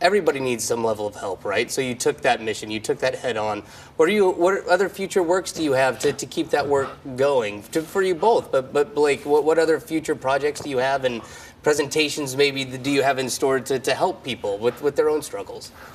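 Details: Adult male speaker; Typical adult speech.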